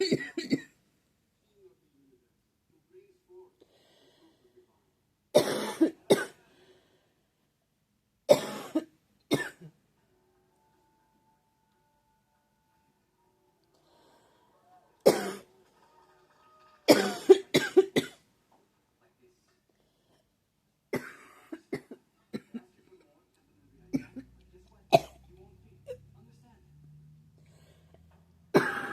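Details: Repeated short, dry-sounding coughs in clusters with quiet gaps, a persistent coughing spell in someone who struggles with seasonal allergies: cough.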